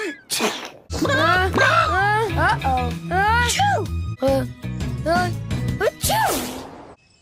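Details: Animated cartoon puppy's acted sneezing, blamed on kitty fur: sharp bursts with high, squeaky voicing over music.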